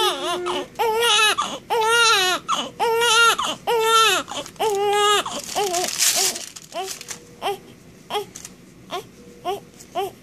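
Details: Newborn boy crying while being dried off and wrapped after birth, described as cold: strong rhythmic crying settling into short whimpers; ordinary fussing cry, rarely cries so far.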